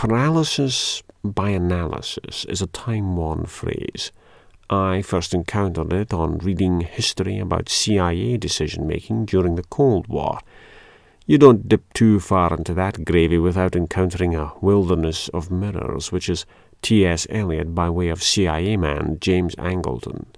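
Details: Adult male speaker; normal speech.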